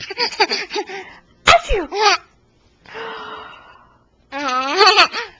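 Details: A 9-month-old infant, recorded on a Flip Video camcorder, sneezes sharply, then gives a second sneezy exhalation, with giggling laughter before and after.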